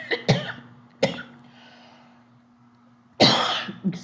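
Two brief dry coughs, then a longer, harsher throat clear from an adult woman.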